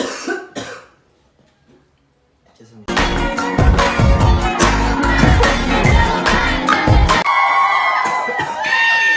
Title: Coughing